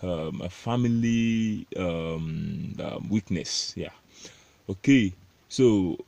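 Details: Adult male self-described stammerer, proud of it, with word repetitions in this stretch; stuttering.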